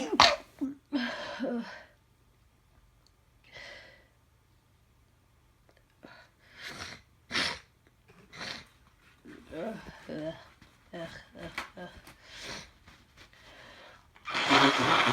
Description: Yet more cold sneezes. Some of these are induced, some are not. I feel so grim right now.